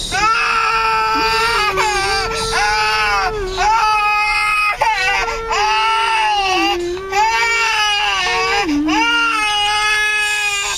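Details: 8-month-old twins crying a lot, tired after playing and a drive back from Pattaya: loud, sustained wailing in long bouts with brief catch-breaths between.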